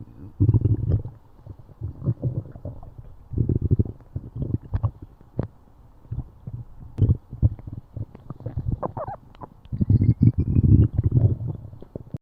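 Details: Low rumbling, gurgling bursts come and go over several seconds with faint clicks and squeaks between them; ordinary stomach growling (borborygmi).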